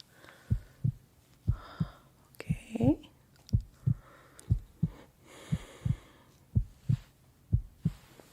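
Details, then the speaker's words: Heart sounds from an ASMR full medical check-up roleplay (simulated exam); stethoscope placed directly on the chest skin. Paired lub-dub sounds at about 70 beats a minute with faint breathing and soft rustle, no murmur heard: normal heart sounds. "Let's take a peek into your heart. Now, it's going to be a little bit cold. I'm going to place it directly into your skin."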